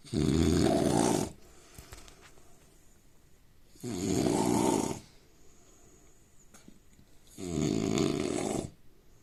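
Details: Indian man snoring; three loud, rough, rattling inhaled snores about every three and a half seconds, roughly 16 a minute, with quiet between: snoring.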